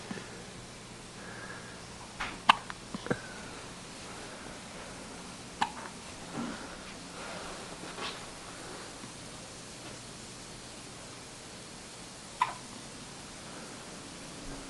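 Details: Brief, sharp little catches recurring every few seconds over quiet room noise: a baby's first hiccups, with a family dog investigating the noise; hiccups.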